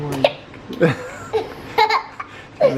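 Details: A laughing toddler, awake late past bedtime after an active day, gets hiccups: her giggly voice is broken by several sharp, abrupt catches of breath.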